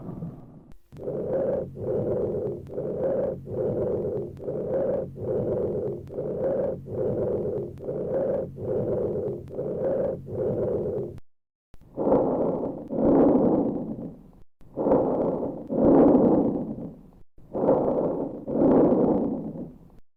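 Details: Cavernous breath sounds over a left-sided lung cavity (impaired percussion over left clavicle, infraclavicular and axillary areas; chest flattening, positive trail sign; no tubular breathing): hollow, low-pitched breath sounds, expiration longer and louder than inspiration.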